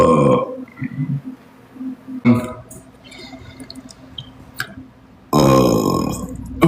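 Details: Man burping during a TikTok livestream: several loud, deep burps with quieter room sounds between them.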